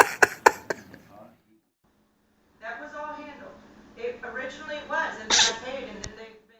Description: Allergy season seems not treating this cute cats nicely. Check this video out and try not to laugh! These adorable cats can’t stop sneezing and see how funny their reaction are.